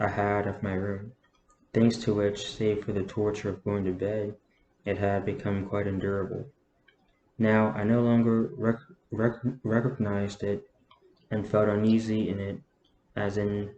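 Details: Adult man with a self-reported stutter reading a novel aloud, saying he normally stutters significantly less when reading; phrase repetitions heard. Stuttering.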